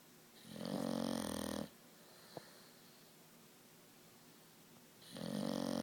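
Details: Bulldog napping: two long, rattling, buzzy snores about four seconds apart with quiet breathing between them; snoring.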